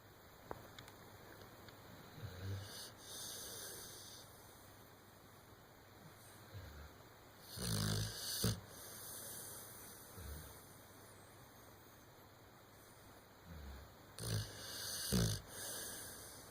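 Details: Low rumbling snores at irregular intervals, roughly nine a minute, over steady background hum; snoring during sleep.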